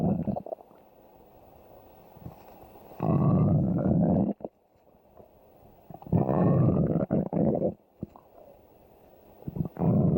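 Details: Low rumbling, gurgling bursts of one to two seconds with quiet gaps; ordinary stomach growling (borborygmi).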